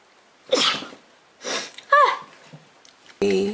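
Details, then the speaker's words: Two quick sharp sneezes in a row, then a voiced exclamation and other sound cut in; a girl sneezing repeatedly while talking, hashtags mention allergies and sinuses. "last week it was yawning and now it's sneezing my body"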